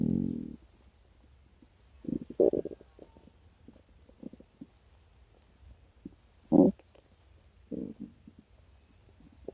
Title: my stomach making noises after breakfast (stomach sounds, growls and noises)